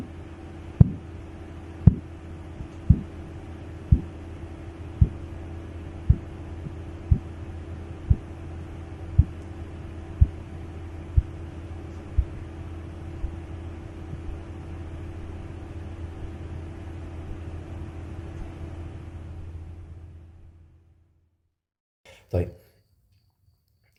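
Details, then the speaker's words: Korotkoff sounds during blood pressure measurement as cuff pressure falls: regular tapping near 58 a minute, first clear tapping (systolic) then muffled whooshing, then fading and vanishing. "هيطلعلي اصوات اللي اسمها الكورتو ساون الكورتو ساون دي انا هحطلكم دلوقتي فيديو كده في الاصوات بتاع الكوركوس والفيز بتاعتها اللي هي كلير وبعدين ممش ومش عارف ايه"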